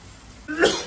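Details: Cyclist during indoor VO2max training ride says water went down the wrong way: a single abrupt cough burst after near silence, a choking cough.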